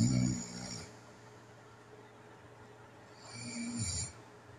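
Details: Self-recorded nighttime snoring from a person with sleep apnea: two low, rattling snores about three seconds apart with quiet breathing between, over faint room hum; snoring.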